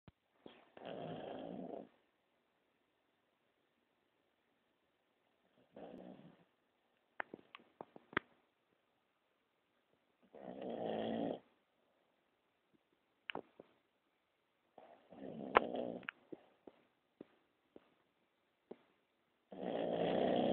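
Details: Female Basset Hound, diabetic in later years, snoring while asleep: irregular rattling snores, about four in twenty seconds, with soft snorts and clicks between them.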